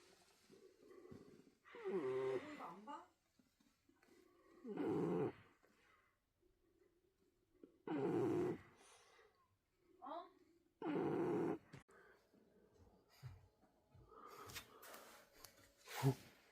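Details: French bulldog puppy in deep sleep snoring: loud, rattling snores about 20 a minute, with quieter breaths between.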